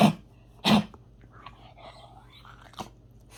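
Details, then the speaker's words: Dog Deuce coughing, which owner says he sometimes does during the day, recorded to show someone: two short harsh coughs and a fainter third in a quiet room. "Sometimes he'll cough like that during the day."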